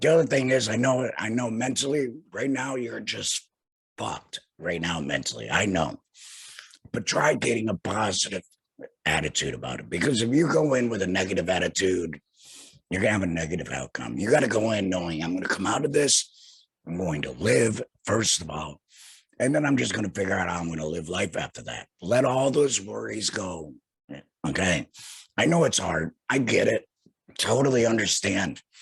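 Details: Male speaker who had laryngectomy surgery in 2020 and speaks without a larynx: alaryngeal speech after total laryngectomy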